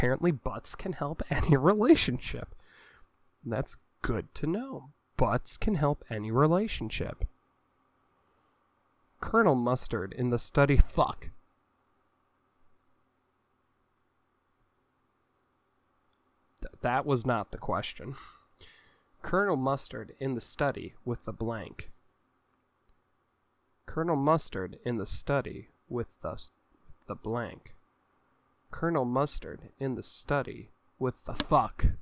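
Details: Male with Tourette syndrome, reading game cards; vocal tics with phrase repetition and coprolalia.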